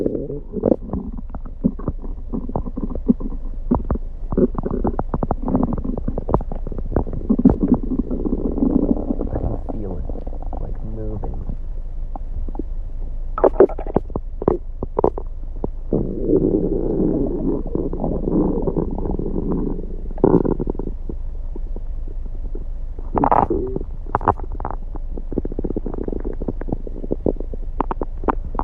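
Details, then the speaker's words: Active bowel sounds (borborygmi) from an adult male's abdomen after his stomach had been upset all day: frequent low gurgles, rumbles and clicks. "My stomach has been upset like all day. So, we're gonna see what it sounds like."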